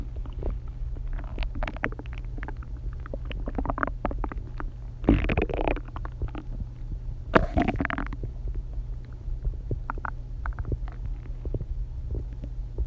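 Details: Low, gurgling stomach growls with two louder rumbles over a steady low hum, from a person who has not eaten all day; hunger borborygmi.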